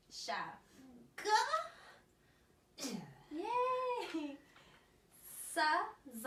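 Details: Child with childhood apraxia of speech practising pseudo words in rapid syllable transition treatment, cued by a clinician to stress the first part of each word.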